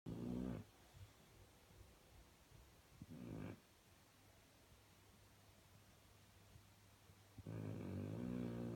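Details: Low, rattling snores recurring a few seconds apart with quiet breathing between, in a quiet room: snoring during sleep.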